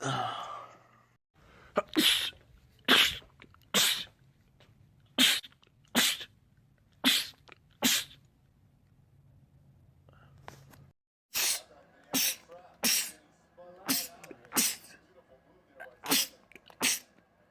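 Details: Male rapid sneezing attack from a sneezing compilation: about twenty sharp sneezes in quick succession with a short break midway, faint room noise; sneezing.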